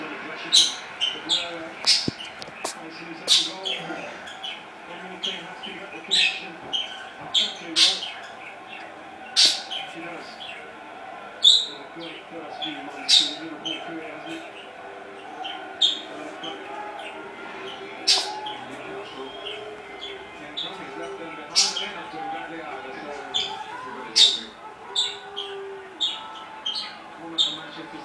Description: Our new kitten having a sneezing fit :)